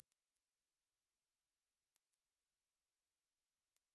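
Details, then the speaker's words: Steady, very high-pitched 15,000 Hz pure tone played as a hearing-age test, in a segment on tinnitus and age-related hearing loss; speech begins at the end; high-frequency hearing test tone. "나이라는게 있어요 청녕 나이이 주파수를들을 수 있는지 없는지에 따라서 나이를 가늠할 수 있거든요"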